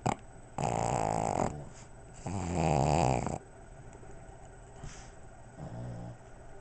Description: Pug and Boston Terrier snoring.